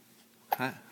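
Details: Young boy hiccupping while eating: one sudden short catch of breath with a brief voiced tail, a single hiccup.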